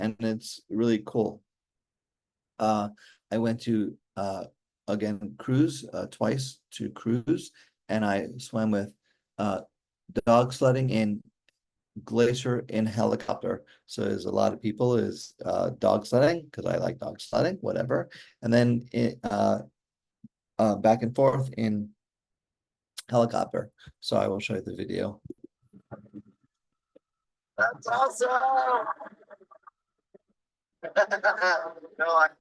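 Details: Aphasia in an adult male stroke survivor with hereditary mitral valve prolapse, following a stroke during mitral valve surgery in 2007; communication remains hard for him.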